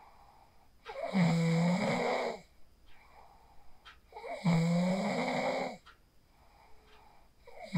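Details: Person asleep after practising the 4-7-8 breathing technique, recorded on a phone: repeated loud, rough snores on inhalation, around 18 breaths a minute, with quiet exhalations between; ordinary snoring.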